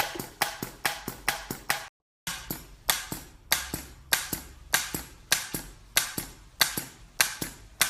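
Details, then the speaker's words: Painfree U225 injection gun being primed before a PRP (platelet-rich plasma) cosmetic injection: rapid sharp mechanical clicks in bursts, about 98 a minute with a brief pause. "going to do rolls with her gun with the u225 and I'm just going to climb it now"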